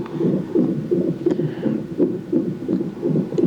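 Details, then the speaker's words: Fetal heartbeat on a monitor during a nonstress test with a contraction monitor attached: rapid, steady whooshing pulses around 150 bpm (stated baseline 150, rising to 170); baby described as very active. "this thing right here monitors any contractions and then what's under there monitors her heartbeat and then her heartbeat is over there they said the her Baseline is 150 and then they just watch"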